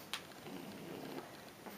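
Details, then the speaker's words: Pug woken and held up to be heard: soft rattling, snorting, purr-like rumbling breaths in a quiet room; noisy breathing (stertor). "i guess i'll find out when i go to edit this video and it takes me like forever and there's all you can hear is snoring the whole way through"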